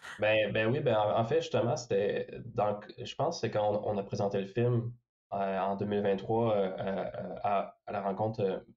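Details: Stuttering in a young male filmmaker who is a person who stutters.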